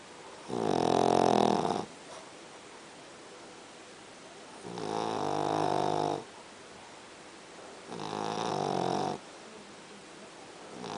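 Three slow, rhythmic snores with rough, buzzing inhalations separated by quiet pauses, typical of a sleeping dog snoring.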